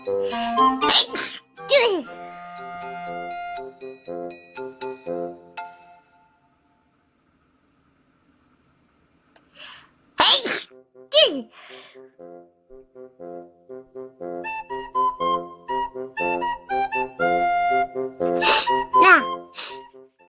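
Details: Repeated sneezing, about four sharp sneeze bursts, over background music with chimes.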